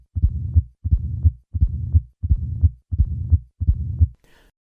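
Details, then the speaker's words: Simulated mitral stenosis at a heart rate of 85: it starts with normal heart sounds, then adds an opening snap, then a low diastolic rumbling murmur that is easily mistaken for systolic; mitral stenosis murmur. "Listen to the murmur of mitro stenosis at a heart rate of 85 and notice how easy it is to mistake this for a systolic murmur."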